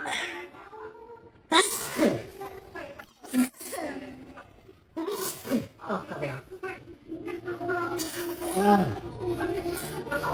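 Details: Sudden explosive sneezes mixed with talk and exclaiming, set off by a nasal swab; a normal irritant reflex.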